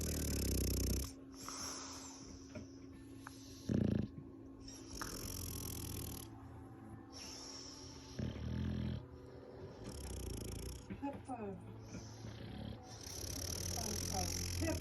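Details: Sleeping bulldogs snoring: loud rough snorting snores with noisy breathing between and faint background sounds.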